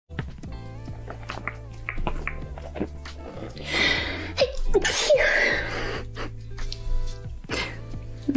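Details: A woman's semi-stifled sneeze, caught in a blooper clip.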